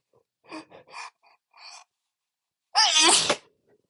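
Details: A few quiet catching breaths, then one loud, explosive, uncontrolled sneeze from an adult man.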